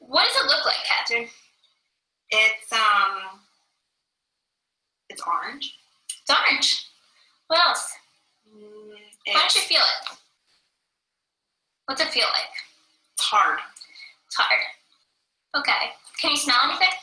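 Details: Echolalia in transcortical sensory aphasia: the patient, unable to understand spoken language, repeats back what is said; the recording may also include a caregiver's voice.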